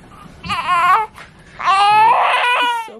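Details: Newborn boy just after delivery, following labor induced one week early for maternal gestational diabetes and about 15 minutes of pushing: two loud, clear, high-pitched wails, a normal vigorous first cry.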